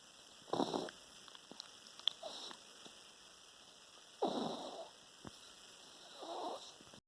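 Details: Snoring in a sleeping 10-week-old female French Bulldog puppy: a few noisy, rattling breaths against steady background hiss.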